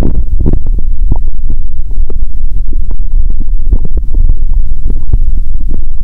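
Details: Stomach sounds from a hungry person who had fasted over 15 hours, on a first stethoscope recording: low rumbling with irregular gurgles and clicks over a steady low hum, active hunger bowel sounds.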